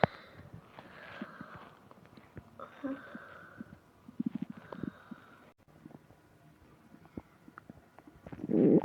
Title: Bad morning from hunger to stomach ache (stomach growling)